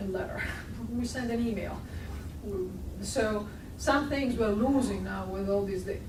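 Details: Adult woman speaking; normal speech.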